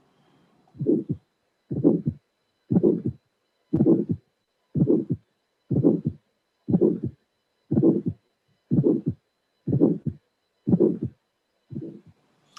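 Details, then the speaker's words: Bicuspid aortic valve stenosis, played as an auscultation teaching test: first sound, ejection click, systolic ejection murmur, then second sound. "Here it is, and you have a first sound, ejection click, systolic murmur, second sound. So this is a bicuspid aortic stenosis,"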